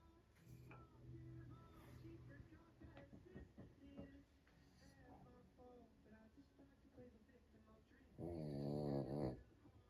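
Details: Soft snuffling breaths, then a loud rattling snore near the end, from a sleeping French bulldog; typical snoring.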